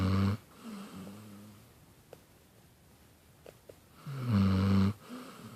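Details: Sleeping dog snoring: deep, rumbling snores about every four to five seconds, with pauses and soft breaths between.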